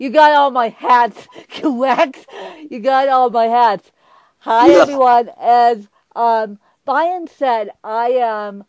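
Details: Mild dysarthria in a woman with cerebral palsy who uses a walker; she says her speech impediment is milder than her interviewer's.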